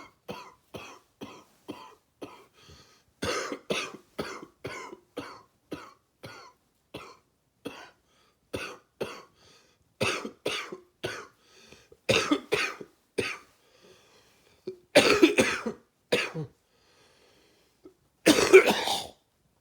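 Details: Wet, gaggy cough during a cold at the end of summer or start of fall: repeated bouts of short, rapid coughs, some harsher and fuller.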